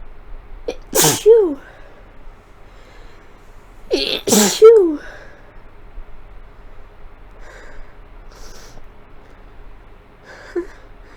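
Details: Sneezing fit in a person with a cold, sick for several days, several fits combined: two forceful sneezes, each after a sharp in-breath, then sniffles; faint computer-fan hum.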